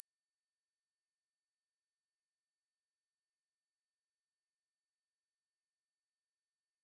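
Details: Simulated tinnitus: steady, very high-pitched, faint 13500 Hz pure sine-wave tone used as a masking sound; tinnitus ringing simulation.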